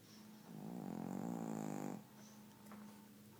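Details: Sleeping dog snoring with a buzzing, fluttering snore on the in-breath and softer breaths around it.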